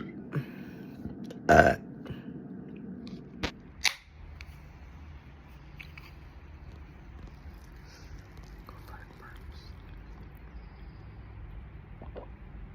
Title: ⚠️Burp Montage🫧⚠️: covert burps, quiver burps, gurgly burps #burps #bigburps #burping #loudburps